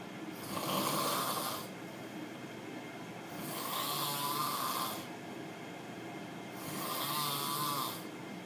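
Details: Roommate snoring very loudly: three harsh, fluttering inspiratory snores, about 19 a minute, with quieter exhalations between.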